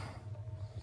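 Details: Adult man (husband) asleep gives a brief low, rattling snore; his wife asks him to lie comfortably on his side to stop snoring; snoring.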